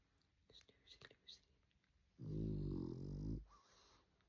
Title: Snoozy Snoring Ce-Ce. 🐾🐾🐾